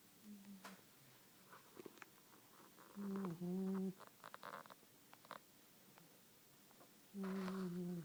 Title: Stafford puppy sleeping and snoring